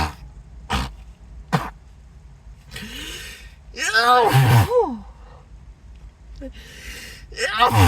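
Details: Acted sneezing fit, sneezer apologizing, saying nose tickles and wondering if allergic: several sharp sneezes with gasping wind-ups and groaning, in quick succession.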